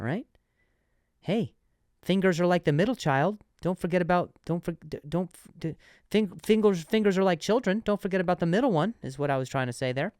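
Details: Adult male comedian hosting a podcast titled "Did I Stutter?!", speaking with repetitions and restarts; stuttering.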